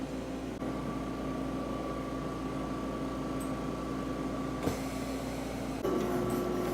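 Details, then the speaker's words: Steady low hum with a faint tone and occasional clicks from a home oxygen concentrator's top compressor unit filling a portable canister; the indicator light shows below normal while filling. The concentrator was prescribed for a mother after pneumonia. "press it down it locks in place and then you turn on the top unit here compressor and you can see here the light yellow it says below normal so it's it's filling"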